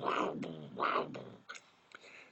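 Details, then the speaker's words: Vocal imitation of a continuous heart murmur, running through systole and diastole, in a veterinary cardiac auscultation lecture: a man's voiced whooshing that swells without a clear gap. "and we do hear continuous murmur sometimes which go throughout syy and diasty"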